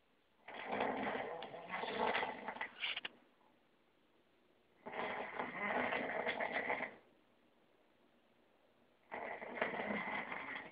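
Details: Third snoring recording in an ongoing series: loud, rattling snores on each in-breath, roughly 17 a minute, separated by near silence; snoring.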